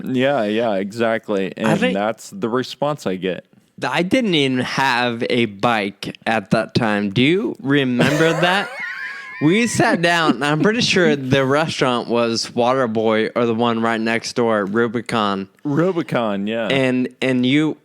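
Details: Real male patient with Friedreich's ataxia diagnosed at age 25, causing slurred speech that sounds drunk although he is not; ataxic dysarthria.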